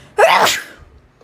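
A single sharp, explosive sneeze that fades quickly.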